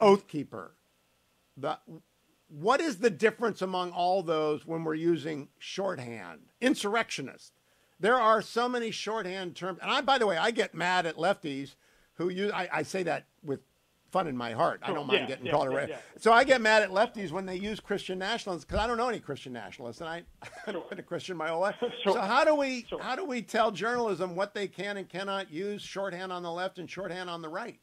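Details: Adult man speaking; normal speech.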